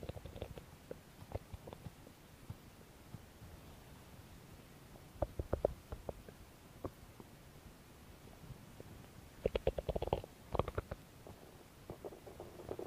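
Soft gurgles and clusters of bubbling, popping rumbles from the belly, with quiet stretches between. Ordinary stomach growling.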